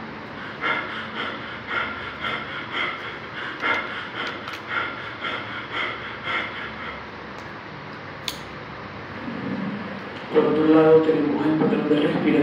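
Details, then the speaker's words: Biot breathing: after brain injury the respiratory centre is inhibited and breathing resumes only when high blood carbon dioxide levels provide a strong stimulus. "solo comenzará a funcionar nuevamente en caso de un fuerte estímulo, y este estímulo serán los fuertes niveles de dióxido de carbono en sangre, y así es como suena."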